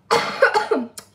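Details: A single loud, harsh cough burst with a brief catch at the end, from a sick child.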